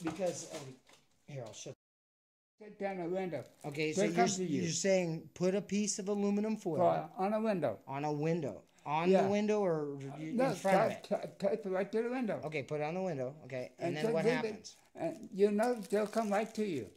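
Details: Adult speaker; normal conversational speech.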